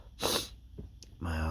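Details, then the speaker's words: Male with dust allergy sneezing at a dusty workplace, allergies flaring today: a forceful, explosive sneeze followed by a short sniff, then speech begins; an allergic sneeze. "allergies are really kicking up today it's at work and it's so dusty so I thought I'd because you record some of my see you Sneezy yeah for you guys"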